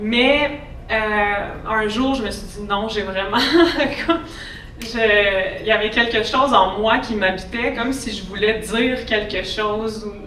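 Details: Adult woman who has stuttered since childhood, with speech therapy from age 7 to 16; stuttering.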